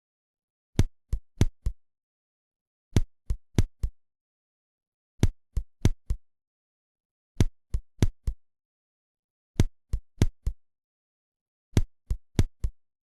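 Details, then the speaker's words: Simulated auscultation of ventricular bigeminy, every second beat an extrasystole: heart sounds in coupled pairs, each pair followed by a long pause. "Итак бигеминия ещё раз бег мене аускультативно"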